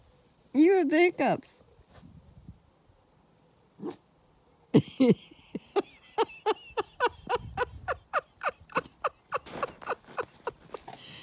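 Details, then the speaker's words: Puppy with hiccups: rapid, rhythmic hiccups with little squeaks, about three a second, after some whining. "she's embarrassed she's got the hiccups oh poop [Laughter]"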